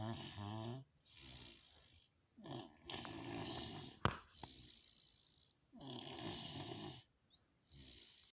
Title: my brother snoring